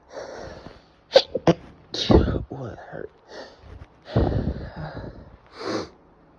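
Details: Man with a tickly nose: several sneezes, some held back into short stifled bursts, among breathy in-breaths; repeated sneezing.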